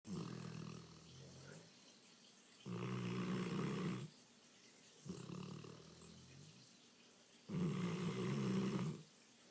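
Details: Loud, rough, rumbling breaths alternating with quieter ones, about 13 breaths a minute; heavy snoring in a sleeping English Mastiff dog.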